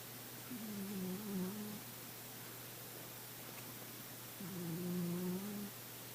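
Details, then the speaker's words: Male pet cat snoring heavily at night: two long, wavering, buzzy snores about four seconds apart, with a steady hiss and hum in the background. "He's really snoring tonight Oh Hi you W snoring quite a bit there Mister"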